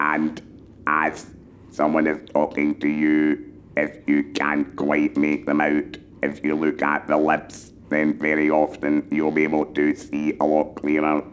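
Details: Electrolarynx speech from a male laryngectomee who speaks with a handheld electrolarynx that sends vibration into the neck, forming words with the throat muscles, lips and tongue.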